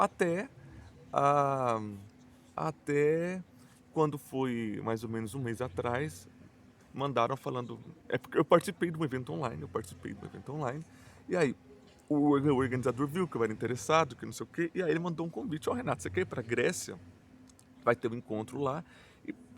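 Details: Adult male Portuguese speaker who stutters and says his stuttering is marked by repetitions, blocks and silences; stuttering.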